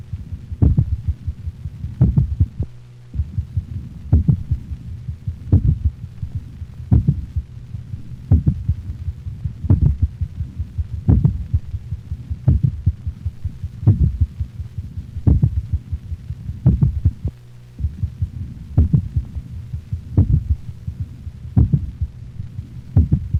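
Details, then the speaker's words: Dog heart auscultation at the mitral valve area: slow, loud ventricular sounds near 43 a minute with softer, lower-frequency atrial thuds between them; complete heart block. "listen carefully for the lower frequency atrial sounds occurring between the louder but slower ventricular contractions of complete heart block"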